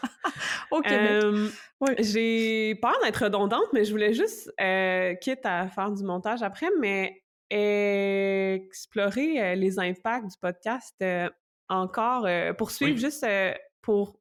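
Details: Stuttering in an adult woman who stutters; stuttering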